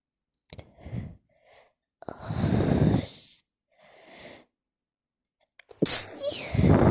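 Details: Repeated forceful sneezes in a sneezing fit while speaking, with gasping breaths, sighs and snorts between; the person says they cannot control it and cannot breathe well.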